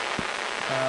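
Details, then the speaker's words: Amplified electrical neural activity heard as a recording microelectrode is advanced through the brain during deep brain stimulation surgery for facial dystonia. Different brain areas have different signatures, which are used to map the target before the stimulating electrode is placed. "so we advance a recording electrode first through the brain and different areas of the brain have different signatures of neural activity so you're listening to the electrical amplification of neural activity"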